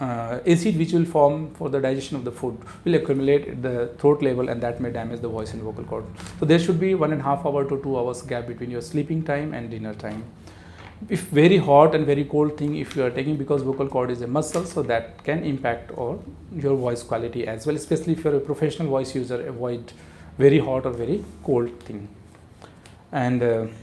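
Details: Adult man speaking; normal adult male voice.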